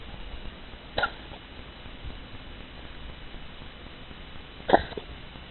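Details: Two short, sharp sneezes about four seconds apart over room noise.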